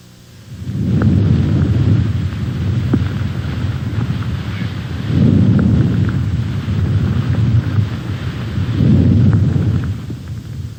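Soft, low rustling breath sounds rise and fall in regular cycles, about 16 breaths a minute, with no added noises: normal vesicular breath sounds.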